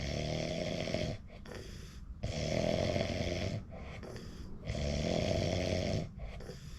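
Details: Person recording their own sleep: loud, rough snores on each breath, three in about seven seconds, with quieter breathing between them.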